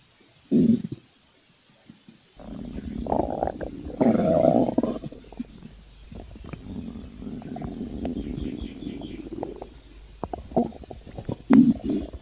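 Low gurgling rumbles and squeaks from the belly, rising and falling over several seconds: ordinary hunger stomach growling (borborygmi).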